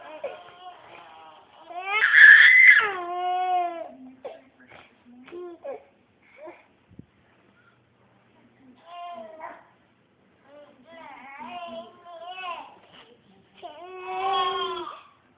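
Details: Twin infants awake crying an hour after being put to bed: bursts of high, wavering crying and whimpering with pauses between cries.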